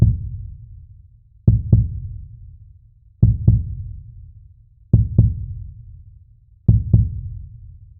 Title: Calm Heartbeat Sounds for Sleep#relaxing #sleep